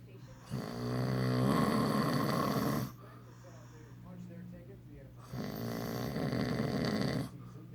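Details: Man snoring: two long, loud, rattling inspiratory snores separated by a quiet pause, with a faint steady hum in the room.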